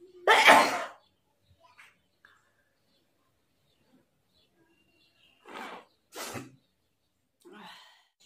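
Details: Woman sneezing after deliberately sniffing red chilli powder, which also irritated her throat: one loud sneeze, then later two softer sneezes, an irritant-triggered sneeze reflex.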